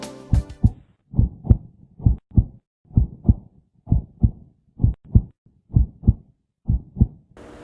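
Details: Stethoscope auscultation near the left fifth intercostal space, apparently the mitral focus: steady paired lub-dub heart sounds at about 65 beats a minute; normal regular heart rhythm.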